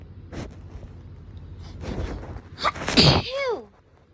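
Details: One explosive sneeze after a drawn-in breath, followed by a trailing voiced sound; hay fever sneezing, one of several filmed over 3-4 days.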